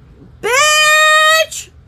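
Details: Loud involuntary vocal tic from Tourette syndrome in an adult woman on medication, occurring during a neck-jerking tic episode.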